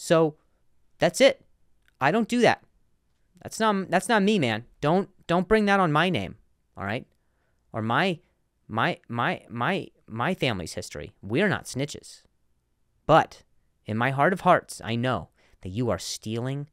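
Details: Adult male comedian who has stuttered for a long time and still sometimes does; word repetitions in this stretch; stuttering.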